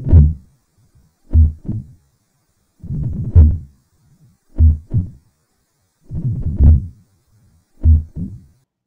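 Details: Slowed heart sounds in a valvular heart disease lecture: a very loud first sound, then a low rumbling diastolic murmur filling each pause; mitral stenosis with loud S1, opening snap and diastolic rumble.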